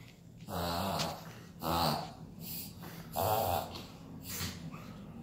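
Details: Shih Tzu puppy making repeated loud, honking snorts drawn inward: reverse sneezing, which is common, harmless in these puppies and resolves on its own.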